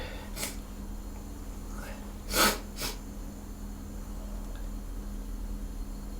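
Three sharp sneeze bursts over a few seconds, the middle one loudest, against quiet room hum; a short run of sneezes.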